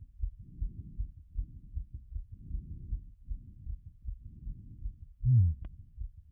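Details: Own heart auscultated after a workout; rate peaked around 180 but settled before recording: regular heartbeat around 70 to 80 a minute with soft rushing between beats; normal heart sounds after exercise.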